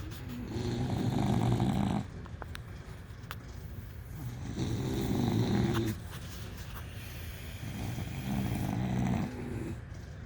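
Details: Two sleeping bulldogs: loud, low, rattling, rumbling snores with an inhale roughly every three to four seconds, about 17 breaths a minute; ordinary snoring in sleep.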